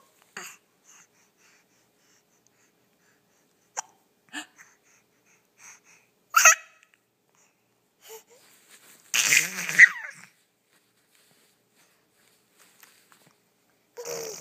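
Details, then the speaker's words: Short, sharp infant hiccups at irregular intervals, with a brief vocal sound near the end; someone calls them silly hiccups. Finding: hiccups. "Those are the silliest hiccups. There it was again."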